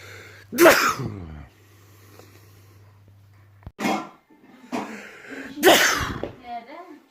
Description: Lately I not catch my sneezes in time. But here is a few. I don't like sneezing but it's fun watching it.